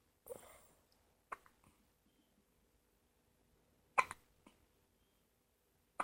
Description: 5 days old and going very cross eyed with the hiccups